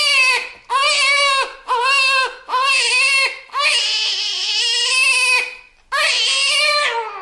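Shrill, rhythmic newborn crying in six wailing bursts separated by quick gasping breaths, recorded in a small room; a normal infant cry.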